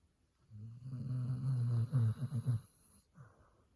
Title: My dog snoring